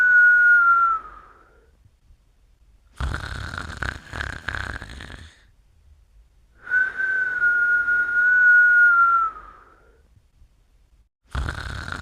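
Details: Snoring alternating a rough, fluttering snore on one breath with a long, high whistle on the next; snoring with whistling.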